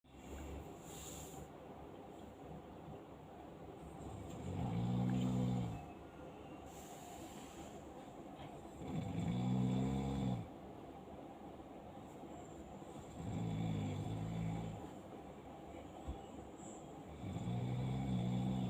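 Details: Four loud, low, rumbling snores from a sleeping man, about every four seconds or roughly 14 breaths a minute, over steady room noise.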